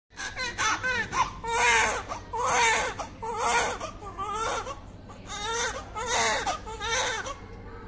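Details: First cry of a full-term newborn baby boy weighing 2.8 kg after normal delivery. Loud, rhythmic, strong crying bursts with brief breaths between them. Normal newborn cry.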